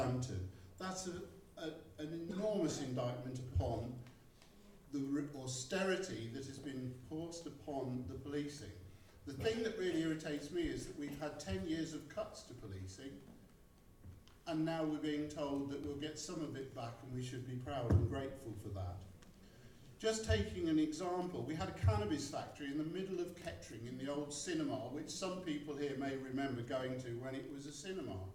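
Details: Adult man speaking; normal speech.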